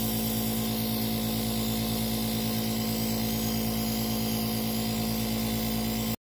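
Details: Nebulizer compressor running.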